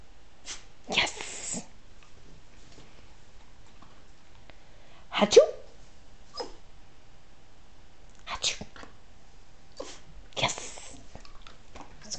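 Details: Several short, sharp sneezes in scattered bursts from Cattle Dogs being trained to sneeze on cue, a trick still in progress, with soft whispered praise and commands between them; sneezing.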